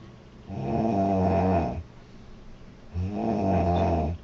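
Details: Two long, loud, buzzing snores about three seconds apart with a low vibrating tone; a girl snoring heavily.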